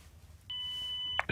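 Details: ZOLL AED Plus demonstration: a steady high-pitched electronic tone under a second, then clicks, during heart rhythm analysis before a shock; AED alert tone.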